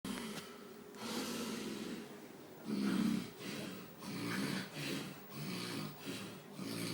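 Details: Rough, rattling snores with snorting breaths, about seven breath cycles in seven seconds; noisy throat breathing during sleep.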